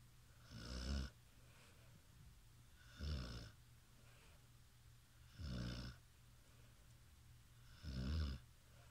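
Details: Four low, rattling snores at a steady pace, about 25 breaths a minute, with quiet pauses between them; snoring.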